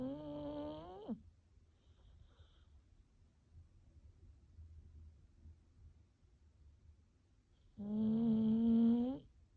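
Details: A dog snoring with two long, buzzy, high-pitched, engine-like tonal snores separated by a quiet pause.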